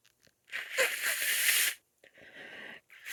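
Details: Allergy sneezing in a female: a long, forceful, hissing nasal burst followed by a softer nose blow.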